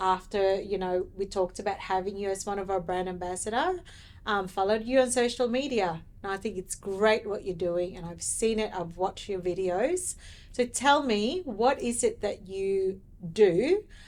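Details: Adult woman speaking; normal speech.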